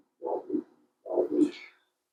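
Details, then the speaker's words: Two rhythmic whooshing Doppler pulses from the ulnar artery, diameter 3.0, peak systolic velocity 49 cm/s, preoperative upper-limb mapping for hemodialysis arteriovenous fistula; normal pulsatile arterial Doppler flow signal. "el pico velocidad sistólico como veis aquí de 40 49 cm por segundo"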